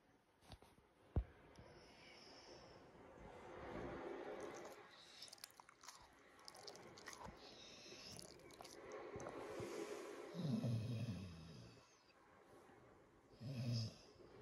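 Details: Sleeping piglet: soft snuffling breaths with grunts, clicks and brief whistly noises; ordinary noisy sleep breathing.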